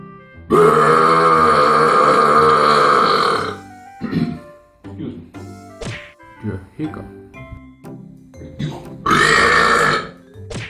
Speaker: The polite burp. Excuse me. The not so polite burp.